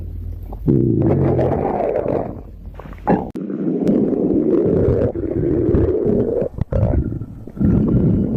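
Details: Stomach growling compilation: long, low gurgling rumbles with a bubbly, shifting tone, the ordinary sound of gas and fluid moving through the gut.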